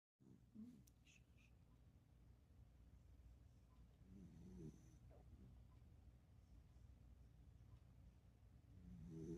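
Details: Dachshund snoring in her sleep: soft, rumbling snores on each breath over a low, steady room hum; snoring.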